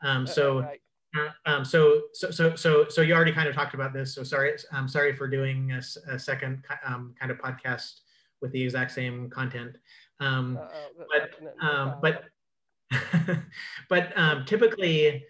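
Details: Adult man who identifies himself as a clutterer; cluttering.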